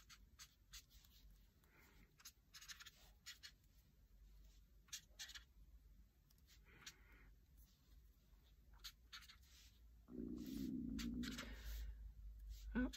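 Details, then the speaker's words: Stomach growling (borborygmi) from a person who skipped breakfast, recorded while drawing: a low, drawn-out gurgling rumble from an empty stomach over pencil scratching. "i should have had my breakfast i guess i don't know if you can hear my stomach growling but um that was my stomach growling"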